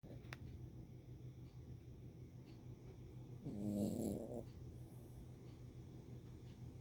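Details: Sleeping dog snoring: steady low rumbling snore broken midway by a louder brief snorting burst that startles it, then snoring resumes.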